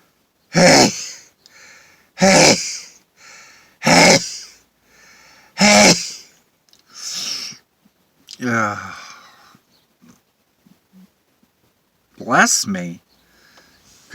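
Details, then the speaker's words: Person sitting in a car outdoors on a chilly May afternoon, sneezing after being induced with pepper and using a towel: four forceful sneezes in quick succession, each with a quieter catch of breath, then brief words and one more sneeze. "I don't think my nose likes the pepper anymore it's I'm getting them all out though that part feels pretty good"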